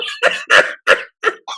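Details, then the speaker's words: Sleeping flat-faced dog makes short, rough, groan-like snores; it is called very loud and likened to sleep apnea rather than ordinary snoring: snoring. "They snore a lot. But that's not even a snore. That dog has sleep apnea. That's like, it's like a groan, you know? It's that dog needs a CPAP breathing machine."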